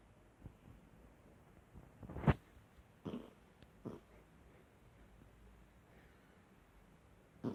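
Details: Sleeping dog snoring.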